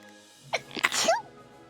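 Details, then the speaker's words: A person who is sick gives a single sharp sneeze while streaming from bed on a wireless mic, which peaks: a quick inward catch, a forceful noisy burst and a brief voiced tail, over faint game music. "if I go you can hear me sneezing for the G I'm sorry it Peaks the mic I'm sure of it"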